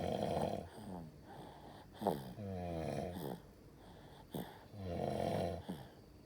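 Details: Sleeping baby boy snoring loudly: rough snores with a squeaky, whistling edge on the breaths, about 26 breaths a minute.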